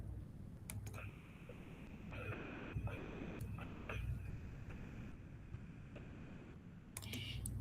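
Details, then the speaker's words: Pericardial friction rub: scratchy, leathery bursts over low heart sounds, likened to crunching snow or two leather sheets rubbing, with three components (one systolic, two diastolic), unlike a murmur, which is only systolic or diastolic. "Así se escucha un frote. ¿Y cómo lo diferenciamos del soplo? Pues fácil, porque el soplo generalmente es o sistólico o diastólico, no tiene un componente sistólico y diastólico"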